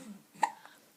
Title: Oh no hiccups!